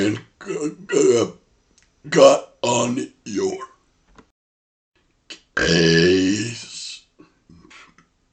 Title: Burp Speech #12 ( It All Rhymes With Face ) Talking While Burping ( Viewer Requested )